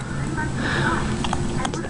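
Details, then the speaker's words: Newborn's first real case of hiccups while lying awake in the morning, recently given a pacifier: faint, brief hiccup sounds, a few quick catches over a low room hum. "oh he's got the this is the first time he's had him real good uhoh let's hope this isn't something that becomes a habit"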